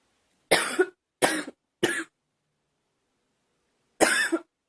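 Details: Four short, clear coughs from a girl, three close together and then one after a pause; acted, simulated coughing.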